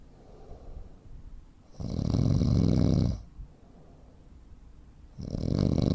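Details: Real snoring of a 43-year-old man, 85 kg, 165 cm, with sleep apnea: loud, rough snores alternating with quiet gaps where breathing seems to stop, typical breathing pauses of obstructive sleep apnea.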